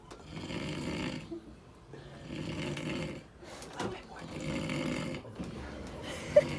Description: When you snore so loud that you get moved into another room.. lmao. Can’t sleep around this family 😂